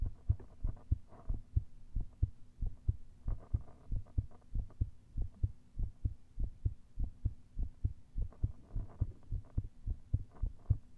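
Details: Heart via lav mic and stethoscope after much caffeine and intense exertion (pushes, pressure): steady paired thumps at about 95 bpm, mildly quick, over a low hum.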